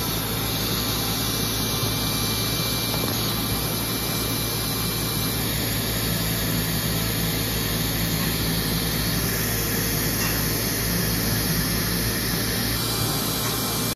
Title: 2017 Aesculight Co2 Surgical Laser in Iowa